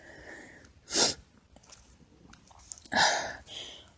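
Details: Two short, high-pitched, partly stifled, tiny squeaky sneezes about two seconds apart from a female, with quiet breathing and faint rustling between.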